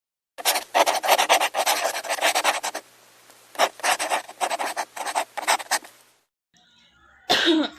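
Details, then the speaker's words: Acted, simulated coughing by a teenage student in a dialogue role-play: two runs of rapid, harsh, breathy bursts separated by a brief pause, with a short noise at the end. "I noticed that you've been coughing."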